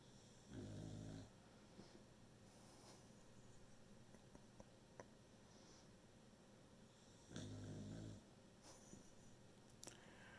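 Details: A sleeping beagle, tired from its owner working from home, gives two low, rumbling snores several seconds apart against quiet room noise and faint clicks. Snoring.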